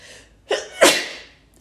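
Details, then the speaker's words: Girl doing a self nasal swab COVID-19 test, sneezing uncontrollably from the swab: quick in-breath, then one loud explosive sneeze trailing off. "oh my gosh i can't [ __ ] take the test i can't stop sneezing i literally can't see right now"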